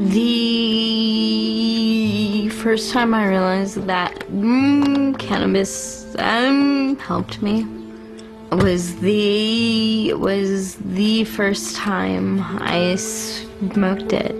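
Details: Adult woman with congenital cerebral palsy affecting motor functions, with right-sided weakness and pain, producing a severe stutter as a result; stuttering.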